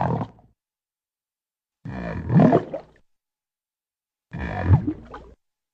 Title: Firey stomach growling